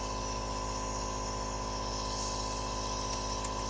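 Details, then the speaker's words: Ferret's first Albuterol nebulizer treatment for suspected asthma, with x-rays indicating asthma and no response to 3 weeks of Clavamox: steady loud hum with fast rhythmic buzz; compressor nebulizer running. "Rupert's getting his first nebulizer treatment for what we suspect might be asthma there is the compressor"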